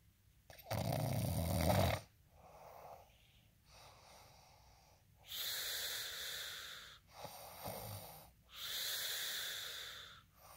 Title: snoring asmr sound 14